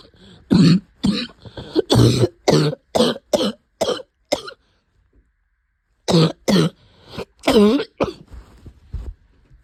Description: I have had a cough for a few months now that wouldn’t go away. Turns out it was pneumonia, I’m all better now.